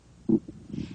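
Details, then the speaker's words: Abdominal exam, auscultation before percussion and palpation, with the stethoscope diaphragm placed lightly on the right lower quadrant over the ileocecal valve: brief low gurgles and clicks, normal bowel sounds. "Begin by placing the stethoscope diaphragm lightly on the right lower quadrant because the ilocal valve is in this quadrant valve sounds are usually audible here"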